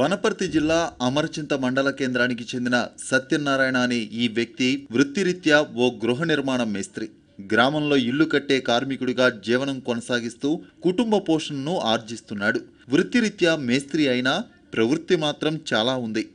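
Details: Adult male narrator; Normal fluent speech.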